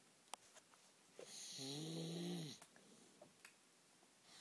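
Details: Snoring: a single drawn-out, buzzing snore lasting about a second in a quiet room, with faint clicks around it.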